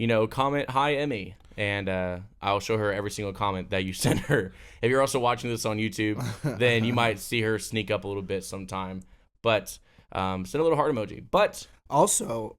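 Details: Adult male speaker; Normal speech.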